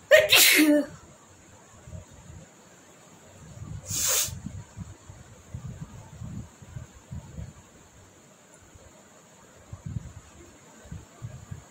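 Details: Two loud sneezes: a sharp explosive burst, then a shorter one about four seconds later, with quiet room noise between; sneezing.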